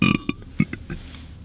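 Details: Loud burst of low, rumbling belching, then a few shorter faint burps with background noise; female burping.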